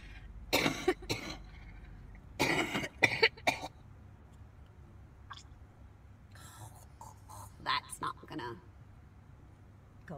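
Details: Young woman coughing repeatedly, a compilation of coughs.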